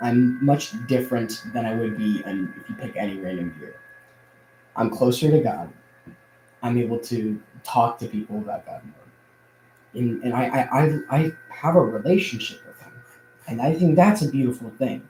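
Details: Adult man who says he stutters a lot more now than in the past; audible repeated words; stuttering.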